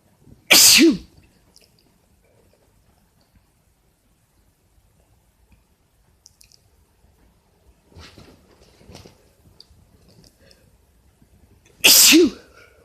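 Two loud explosive sneezes about eleven seconds apart, each with a voiced ending, separated by near silence with faint movement noise.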